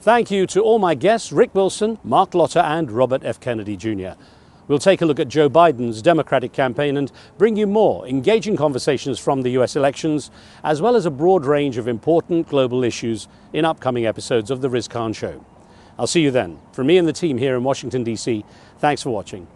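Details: Adult male speaker; typical voice.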